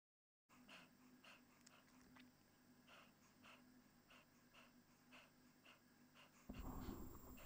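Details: 15-year-old male Chihuahua, 4.4 kg, with persistent cough a month after tracheal surgery (extraluminal prosthesis, permanent tracheostomy): rapid, noisy breaths with harsh upper airway sounds; laryngeal paralysis and collapse with dynamic pharyngeal narrowing on expiration.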